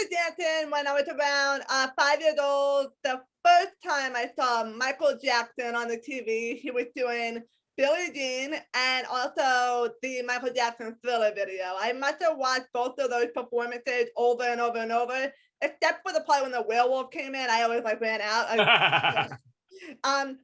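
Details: Adult woman born with a hearing impairment, found at age 3 or 4, wearing hearing aids in both ears, completely deaf to high-pitched sounds, with a speech impediment despite a lot of therapy; speech of a person with congenital hearing impairment.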